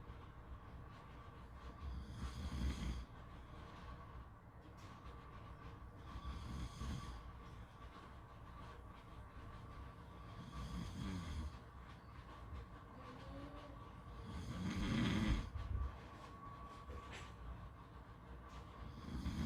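Rhythmic rough snores about every four seconds, around 15 a minute, one louder snort-like snore, over steady background noise; typical snoring.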